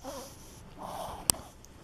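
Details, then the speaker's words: Dog, owner suspects smoke allergy (came in from outside amid winter wood smoke), vets call it reverse sneezing: brief harsh snorting inhalations with a slight wheezy tone; reverse sneezing. "this is what happened when your dog wheezing this is when he's when he's allergic to smoke"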